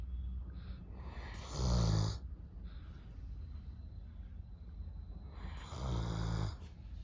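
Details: Two low, rumbling snores about four seconds apart with softer breathing between, from a sleeping Doberman dog: snoring.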